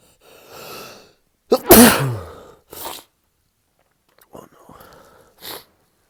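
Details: Sneeze fit during a cold with 160–200 sneezes daily for three days: drawn-out gasping inhalations build to one loud, forceful final sneeze, then further catching breaths as the build-up continues.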